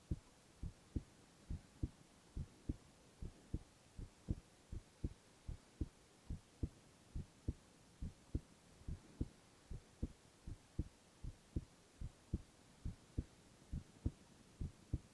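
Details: Silent ASMR recording of a young man's heart sounds only: steady, regular low heartbeat thumps at about 70 a minute with a soft hum behind; normal heart sounds.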